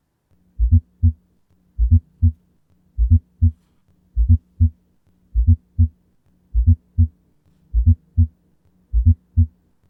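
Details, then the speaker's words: Teaching example of an S4 gallop from the atria contracting against stiff, non-compliant ventricles in active diastole, usually pathological. Slow regular heartbeat with an extra soft sound just before each S1. "the S4 sound is then heard due to the Atria Contracting against non-compliant ventricles or more stiff ventricles than usual"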